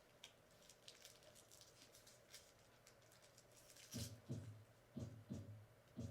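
Paired lub-dub heart sounds at about 60 beats a minute, a normal heart rhythm.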